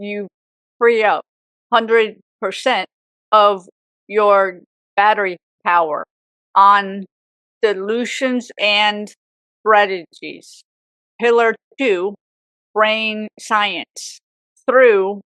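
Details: Woman with aphasia for 18 years after a severe stroke at age 44, also left with apraxia; aphasia with apraxia of speech.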